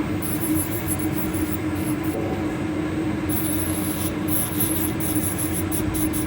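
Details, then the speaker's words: Steady high motor whine with a grinding rasp as a rotary diamond burr smooths a mature client's thickened toenail after a coarse bit, during a waterless pedicure. "That was the coarse bit, and now I'm going to use the diamond to go over that area."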